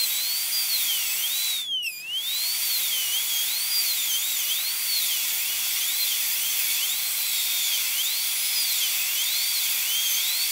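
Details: High-speed dental handpiece whining, pitch rising and dipping with one brief interruption, as the bur breaks mesial proximal contact on upper molar tooth #3, during a full zirconia crown preparation with a rounded shoulder.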